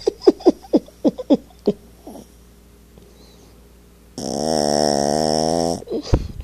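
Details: 8 lb Yorkie snoring: quick snuffly snorts, then a long loud buzzing rattle on the in-breath.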